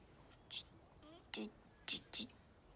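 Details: Acted portrayal by a boy of about 4 in a TV drama of childhood-onset fluency disorder (stuttering), with syllable repetitions as he tries to speak.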